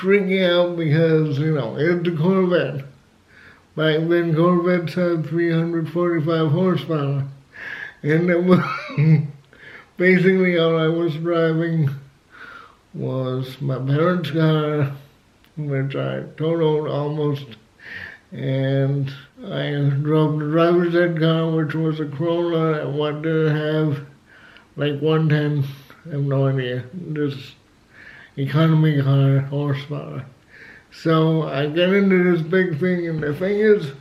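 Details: Dysarthria in an adult male with cerebral palsy, who also has asthma; he had to learn to talk and says he is still not quite there.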